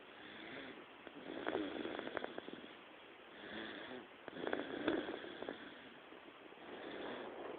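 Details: A baby girl snoring lightly: soft, rattly, snuffly breaths about every three seconds, roughly 18 a minute, with faint crackling noise; snoring.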